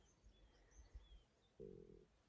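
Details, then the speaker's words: Stomach growling (borborygmi) of an adult out paddling a pack raft one morning while backcountry camping: soft low rumbles, then a brief buzzing, gurgling growl, with faint birdsong outdoors. "Oh my God, can you hear my stomach growling? It's like ruining all my shots."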